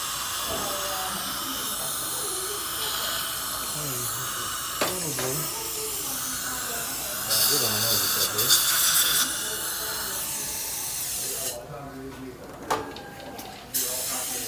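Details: High-pitched hissing whine of a dental drill in bursts during a dental filling procedure, with quiet talk in the background.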